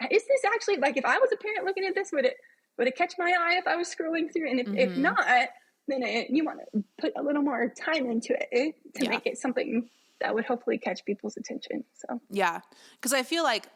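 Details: adult woman with spasmodic dysphonia, a vocal cord spasm she describes in her own speech during a podcast interview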